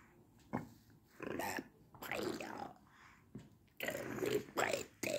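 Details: Adult man's esophageal speech, speech therapy begun April 2019 at a hospital; esophageal speech.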